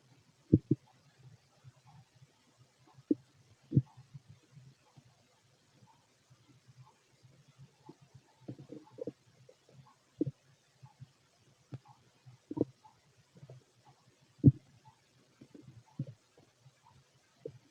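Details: Normal bowel sounds from a fit adult male's abdomen heard through a stethoscope: low irregular gurgles and rumbles with occasional louder pops over a quiet background, ordinary stomach growling.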